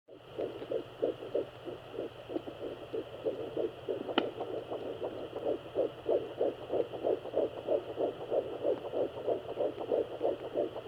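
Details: Fetal heartbeat at 10 weeks of pregnancy: rapid, regular whooshing pulses about 180 beats per minute with steady background hum.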